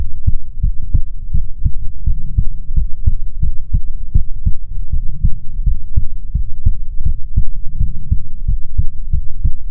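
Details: ASMR heartbeat recording: steady, regular low lub-dub thumps of a resting adult heartbeat, soft and even throughout; normal heartbeat.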